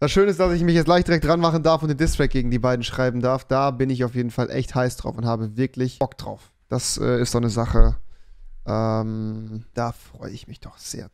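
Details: Adult man; typical speech.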